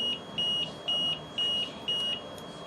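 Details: Repeating high-pitched electronic beeps, four evenly spaced tones in under three seconds: ventilator high pressure alarm, as may sound with a plugged tracheostomy tube in a child on a ventilator.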